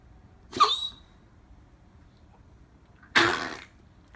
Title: coughing